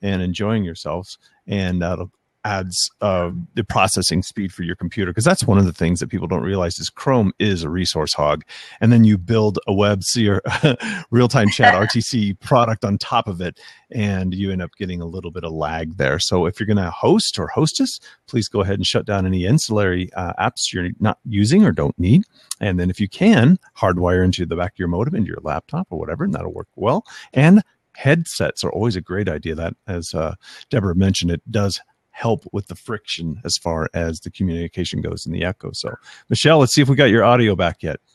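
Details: Adult man; typical speech.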